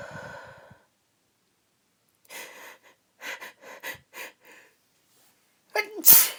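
Quick gasping in-breaths building up, then a loud uncovered sneeze at the end.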